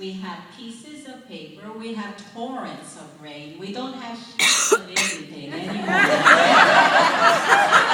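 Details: Adult woman whose dialect changed immediately after a stroke-like brain injury in November 2004, possibly permanent, still slow after six months of speech therapy, also using music rhythm therapy; foreign accent syndrome.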